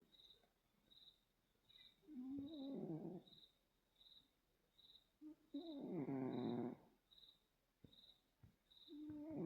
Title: Snoring Cat 😴🐈